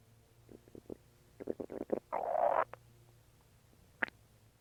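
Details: Short gurgles and a longer bubbling rumble from the belly while eating and drinking water; ordinary stomach growling (borborygmi).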